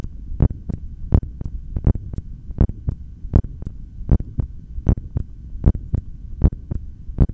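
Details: Heartbeat through a stethoscope during an inhaled breath-hold taken after only one breath, lasting 0:46: steady lub-dub about 78 per minute; stomach growls occur in the recording.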